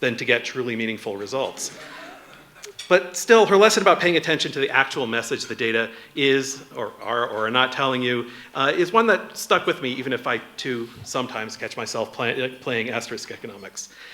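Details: Adult male speaker; normal speech.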